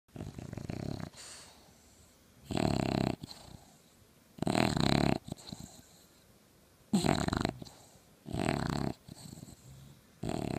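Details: Loud, rattling snores at a slow, regular rhythm with quieter wheezy breathing between, from a sleeping English bulldog puppy who snores louder than two adult bulldogs.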